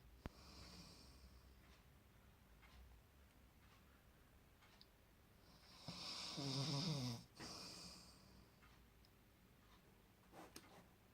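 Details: Snoring: soft breathing noise with one louder rattling snore on an in-breath, faint room noise.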